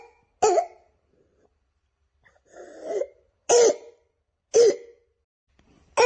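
Harsh, barking coughs with a brief noisy breath between them, typical of croup in a child.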